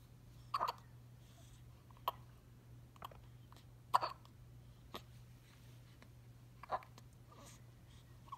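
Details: Soft, abrupt catching sounds at irregular intervals, about 18 a minute, over a faint steady hum, in a one-week-old newborn; hiccups.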